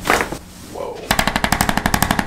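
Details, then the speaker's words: Run of about sixteen sharp cracking pops during a chiropractic adjustment of a woman whose pelvis is described as rotated, with a tender area; joint cavitation. "Oh. Why am I cracking so loudly?"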